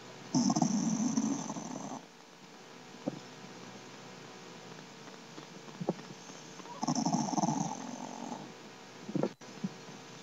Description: This is my new Shar Pei puppy, Sir Winston Churchill. He's 3 months old and snores a LOT!